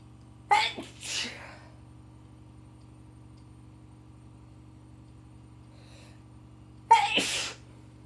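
Two sharp, forceful sneezes several seconds apart, each with a quick intake before the burst, during a head cold.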